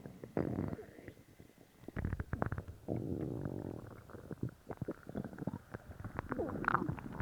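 Loud, gurgling stomach growls with rumbling runs and bubbling pops; active bowel sounds after a laxative.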